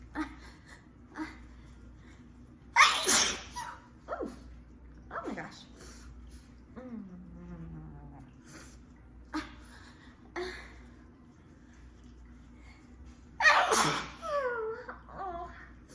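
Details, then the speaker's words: Two big explosive sneezes and several smaller bursts and breaths, with soft apologetic voice sounds between them, during a sudden sneezing fit from allergies. "oh sorry i keep having these big sneezes i can't help it"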